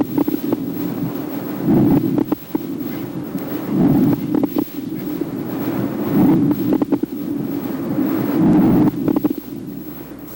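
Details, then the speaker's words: Lung auscultation with low, bubbling crackles from early through all of inspiration: coarse crackles. They change with cough, not with position, occur over the whole chest, and indicate thick, viscous secretions, as in chronic bronchitis and bronchiectasis. "os estertores grossos indicam secreção viscosa e espessa encontradas sobretudo em pacientes com bronquite crônica e bronquiectasias"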